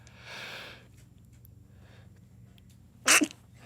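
A drawn-in breath, a quiet pause, then one sharp, explosive burst: a single sneeze from an adult.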